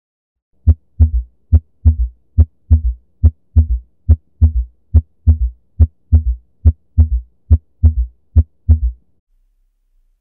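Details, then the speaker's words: Real heart recording: steady heartbeat near 70 a minute with a soft low extra thud after the second sound, an S3 gallop, which can be associated with congestive heart failure. "Gomme karabo ye e nepagetšego ke modumo wa pelo wa S 3."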